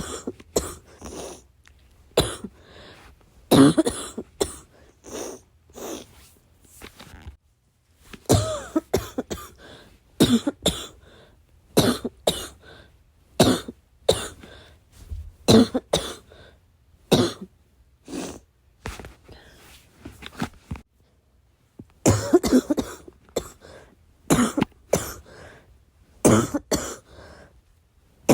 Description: I had a coughing fit in the middle of the night. I needed to cough, but I couldn’t make too much noise.